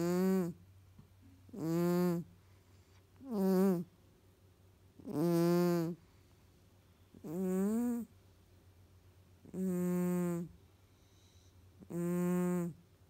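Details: Nasally Tonkinese cat asleep: regular droning, buzzing snores about 30 a minute separated by quiet pauses; loud snoring.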